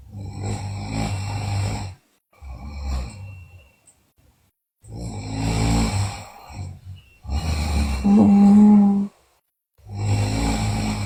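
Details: Sleeping girl snoring: loud, rattling snores with some buzzing tones, separated by short silent pauses.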